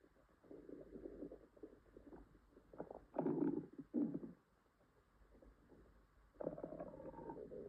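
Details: Female upset stomach with stomach ache and possible diarrhea: loud gurgling, rumbling stomach growls in several bursts; borborygmi.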